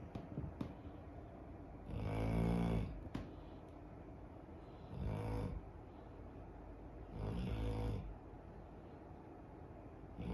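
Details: Loud, rattling snores about every three seconds over faint sounds of waves and birds, from an 11-year-old female dog sleeping deeply; snoring.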